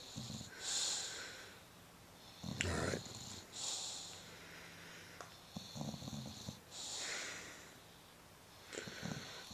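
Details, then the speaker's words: 10-year-old bulldog snoring loudly while asleep: rough snoring with snorting inward and whistling outward breaths, about three breath cycles in ten seconds; owner says he sometimes wakes himself snoring. "You've been really sawing some logs."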